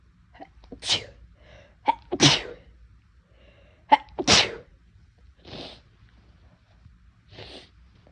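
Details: Induced sneezing from a person whose nose felt more sensitive than usual that day: several sharp sneezes, each preceded by a quick inhaled catch, in a quiet room.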